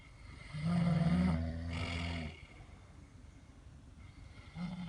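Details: A loud, low rumbling snore on one breath in, then quiet, with the next snore starting at the end, recorded while sleeping in a car; snoring.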